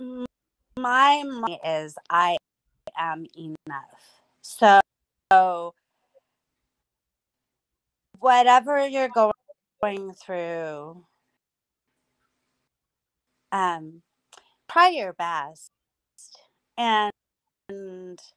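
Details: Adult woman with aphasia after two hemorrhagic strokes caused by a carotid artery tear; lost speech and relearned talking with a speech pathologist using singing; about nine years post-stroke.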